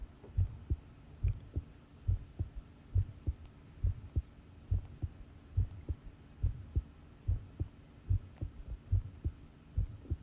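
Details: Long heart sound recording of a pounding heartbeat: steady paired lub-dub beats at about 70 per minute over a low background hum; normal heart sounds.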